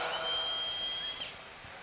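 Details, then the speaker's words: Powered surgical bone drill in an endoscopic Draf III frontal sinus cadaver demonstration using the outside-in technique, drilling laterally with saline wash: a high-pitched, steady whine for about a second, then stopping. "Lally you can drill till you reach the skin give Sal wash wash in fact if you have a micro de you can just sim"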